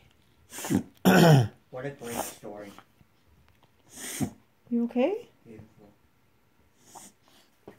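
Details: A whippet makes repeated honking, snorting inward breaths in quick bursts, which a veterinarian confirmed as a reverse sneeze.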